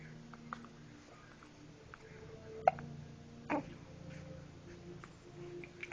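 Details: Hiccups: two short, sharp hiccup sounds about a second apart in a quiet room with faint background noise.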